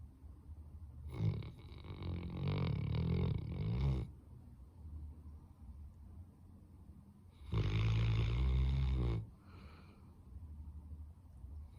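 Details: Labrador dog snoring during sleep: two long, loud, rumbling snores with quieter breathing between them.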